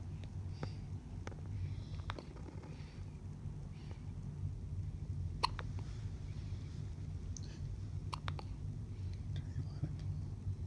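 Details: Hiccups in a 2-week-old baby girl after feeding, falling asleep: soft, brief clicking hiccups repeating irregularly over steady low room hum.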